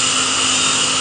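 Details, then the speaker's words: Dental DEKA CO2 laser (10,600 nm wavelength, 4 watts continuous) gently swept around the gum to treat oral spirochetes: steady loud hiss with whining hum of laser and suction. "what we're doing is we're taking the co2 laser here at heart that gently sweep it around it this basically picks out the light we'll focus"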